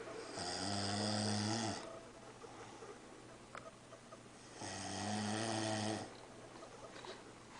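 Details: Father snoring while napping beside his 4-month-old baby: two long, loud, rattling snores on breathing in, about four seconds apart, in a quiet room; snoring.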